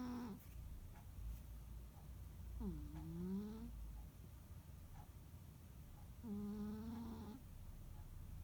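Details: Sleeping rescue cat on a quiet holiday afternoon: soft, squeaky, whistling nasal snores over a steady low background hum; snoring.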